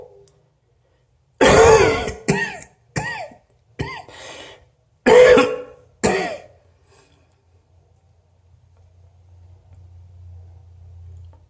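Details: About six sharp, voiced coughs in quick succession from an adult, produced deliberately on prompt, then a faint low hum.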